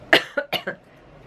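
A run of four quick, short coughs, then quiet room noise.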